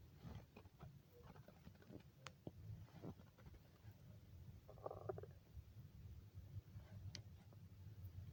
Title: Weird stomach growls hungry girl